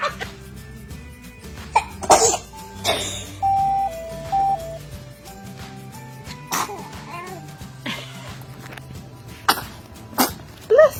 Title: #Cute Kids Sneezing #Laughter